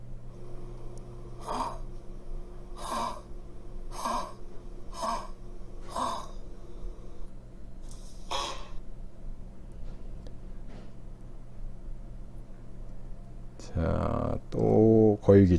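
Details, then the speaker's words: A dog's run of harsh, honking dry coughs, a so-called goose cough like a goose's cry; the vet says this dry cough stems from a narrowed airway, mainly the trachea or bronchi. "그다음에 이제이 소위 말하는 거위 기침 거위 울음소리 같은 기침을 하는 경 도 있는데요"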